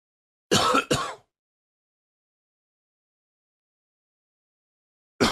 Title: Coughing 82